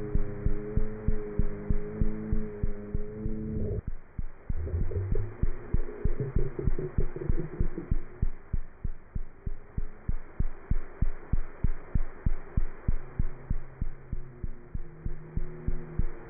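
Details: Cat heart sounds through a stethoscope: rapid, regular heartbeat at around 190 beats a minute with music playing in the background.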